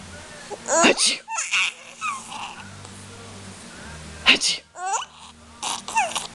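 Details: Run of sneezes from a 7-month-old: several sharp, high-pitched bursts with catching breaths between, with some voice sounds around them.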